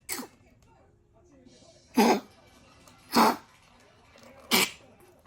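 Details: Rescue Chihuahua dog, tagged with tracheal collapse, reverse sneezing, dog cold and dog cough: four short, harsh, forceful bursts about a second apart, coughing or reverse-sneezing fits.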